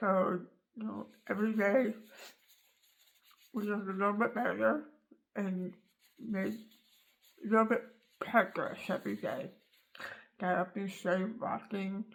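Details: Adult woman after tongue cancer surgery removing almost all of her tongue, rebuilt with leg tissue and sewn to her gums so it cannot move; cannot form words with tongue, learning to manipulate mouth; articulation disorder after glossectomy.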